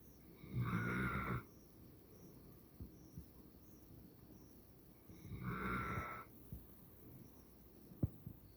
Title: Stella snoring? #stella #shorts